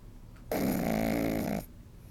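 A single long, rattling snore-like breath from a sleeping puppy, typical noisy breathing of a flat-faced dog.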